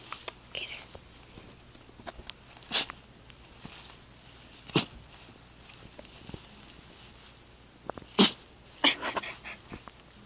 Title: Sneezes :)